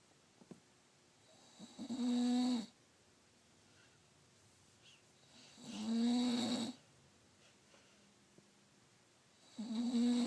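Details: Sleeping bulldog: three loud, rough snores with quiet pauses between them, about 15 breaths a minute; snoring.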